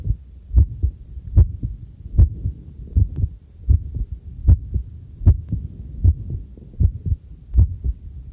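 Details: Own heartbeat, first trial of a new field stethoscope microphone, recorded while doing housework: steady, regular two-part beat at about 77 beats a minute, with faint tableware clinks; normal heartbeat.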